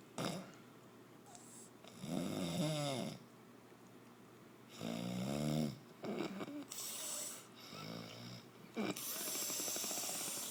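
Irregular, varied snorting and rattling breath sounds with uneven pauses, in a quiet room: snoring.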